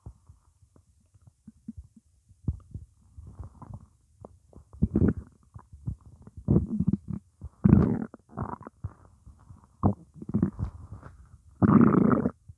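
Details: Morning hunger: irregular low gurgles and rumbles coming in bursts; ordinary stomach growling (borborygmi).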